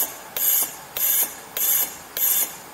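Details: High-frequency jet ventilator running at about 100 breaths per minute, FiO2 100%, pressure about 1 bar, in an anaesthetic technique demonstration; rapid repeating hissing gas pulses.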